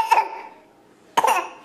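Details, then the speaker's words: Two short, high-pitched, voiced cough bursts from a child, deliberately faked in play rather than from illness. "Uh-oh, your sickness is back. Uh-oh. Oh no. Sounds like a treacherous cough. That sounds horrible."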